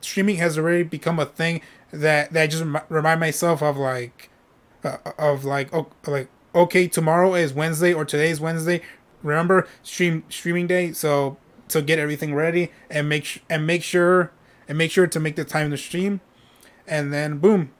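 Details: Adult male streamer with a self-reported stutter; he says it takes him a while to say what he is thinking and he often repeats himself; word and part-word repetitions heard; stuttering.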